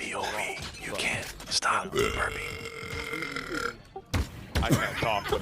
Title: Gamers Burps Compilation